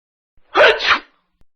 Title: Mr. Wizardgoggles and the Sneezing Case